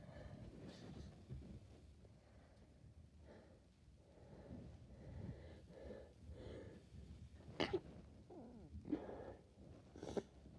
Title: Lots of messy sneezes